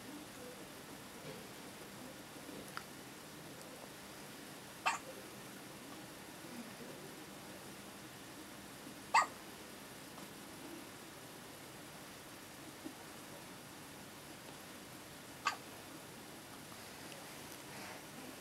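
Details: Hiccups, captioned as a baby's but heard as a kitten's: soft, sharp hiccups, about three in eighteen seconds, over quiet room noise.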